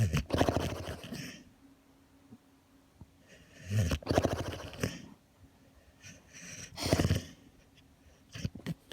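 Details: Kerry Beagle dog snoring while dreaming: three loud, rough, rattling breath sounds a few seconds apart during sleep, with quiet pauses between.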